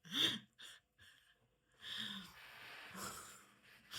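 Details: Cat sneezing at home, with people responding "bless you" and joking about an allergy.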